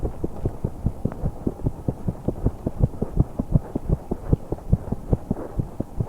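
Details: 21-year-old woman holding her breath during exercise, managing only a few seconds: fast, regular heart sounds with faint breath noise, rapid heartbeat during exercise.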